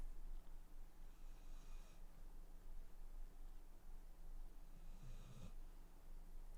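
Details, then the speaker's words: A sleeping female dog snoring loudly: low, rumbling snorts recur about every four seconds over a steady room hum. "My dogs are snoring so loud. Hang on."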